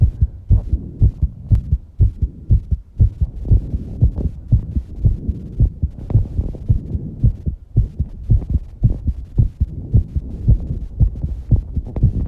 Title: My Fast Heartbeat After Exercising and Heavy Breathing